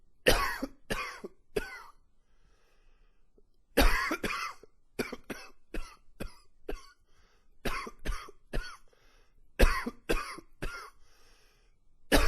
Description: It's long and wheezy with a few gags in there.